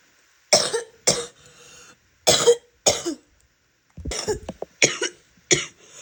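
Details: Female coughing and spitting: wet, productive cough.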